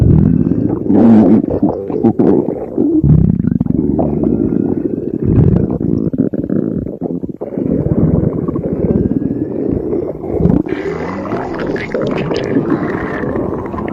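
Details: An empty stomach growling with continuous low gurgling and rumbling: ordinary hunger borborygmi.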